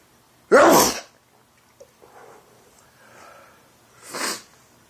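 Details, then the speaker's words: Adult man with doctor-diagnosed allergies to dust, pollen and trees, sneezing 5-50 times daily since 2011: two sharp, explosive sneezes a few seconds apart with quiet breathing between; sneezing. "That's your daily sneeze. There's another. Whew."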